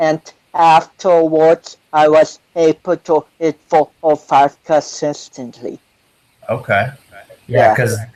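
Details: 25-year-old man with cerebral palsy since birth, which he says affects his balance, coordination and speech; doctors said he would never walk, and he is now a powerlifter; dysarthria associated with cerebral palsy.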